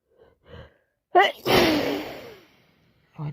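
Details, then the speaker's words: Adult with a cold that turned into a sinus infection, plus allergies and an itchy, congested nose, sneezing repeatedly: a sharp voiced intake and a long hissing sneeze that fades over a second, with faint breaths around it. "Stop sneezing my eyes. Sneezing. Sneeze. The cold turned into a sinus infection."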